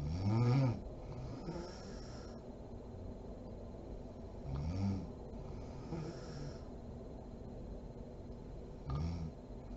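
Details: Mother (adult woman) asleep: quiet, irregular, low rattling snores on breathing in, about three in ten seconds, over faint room noise; sleep snoring.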